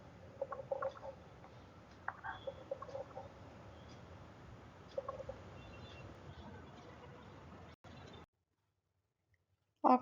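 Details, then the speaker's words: Irregular bubbling pops over a noisy chest sound on stethoscope auscultation: coarse crackles (crepitations), characteristically heard in pneumonia in children, from air moving through airway secretions. "in children Co crepitation are easily Audible and characteristically seen audible in the pneumonia now here course repetition it resemble like bubbling sound"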